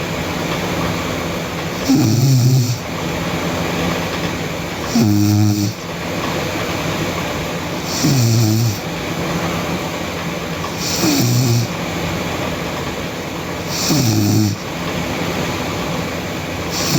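Loud rattling snores about every three seconds, roughly 20 breaths a minute, over steady background hiss: snoring.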